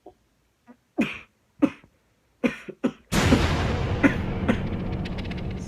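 Four short, sharp acted coughs from an adult, then a burst of loud, sustained noise that drowns out the rest. Finding: cough.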